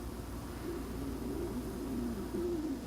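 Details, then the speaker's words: Low, wavering gurgling stomach growl from an adult who hasn't eaten lunch yet, heard while doing eye makeup; ordinary hunger-related borborygmi. "Sorry if you can hear my stomach growling. Haven't eaten lunch yet, so just ignore that."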